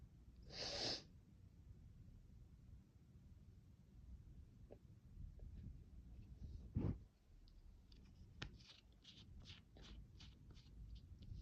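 A single sharp sneeze burst early on, then quiet sniffing and small clicks in a quiet room; a sneeze.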